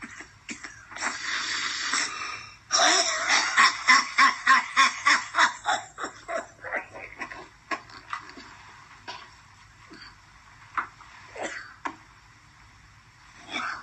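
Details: Harsh, rapid run of about a dozen coughs after a strained breath, tapering into weaker coughs, from an adult man who says he is still sick, coughing after smoking from a vaporizer: coughing fit.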